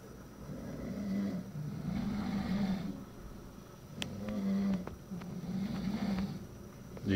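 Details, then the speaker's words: Snoring from a sleeping dog, Cha, at night: repeated low, rumbling breaths with a fluttering rasp on each cycle, roughly 17 a minute, in a quiet room. "cuando pensamos que íbamos a poder dormir empezó a roncar también el cha cha roncando ahora identificamos"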